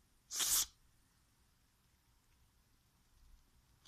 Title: Cold cat funny sneezing